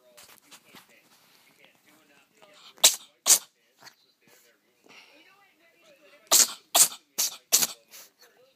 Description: Cat sneezes